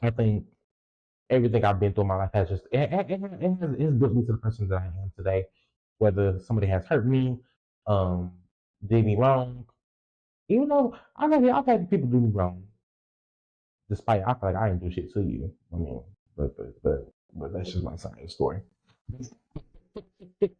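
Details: Young woman podcaster, stated to be 20, with a self-reported speech impediment and lifelong stuttering, left unedited; repetitions of words and sound parts; stuttering.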